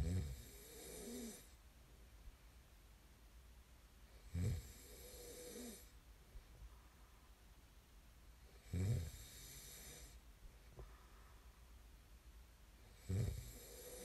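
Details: Snoring ASMR recording: low, rattling snores with each breath in, about 14 a minute, separated by quiet breathing out; typical snoring during sleep.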